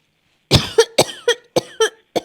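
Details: Acted coughing by a woman pranking a phone scammer, imitating an elderly woman who jokes it might be tuberculosis but blames the air conditioner; seven harsh coughs in a rapid run, each with a voiced catch.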